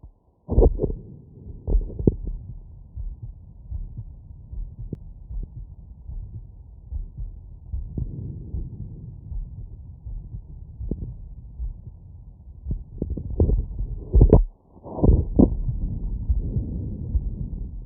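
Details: Person lying down after exercise, heard through a stethoscope: low, steady normal heartbeat thumps at roughly 74 a minute, with handling rubs and rumble.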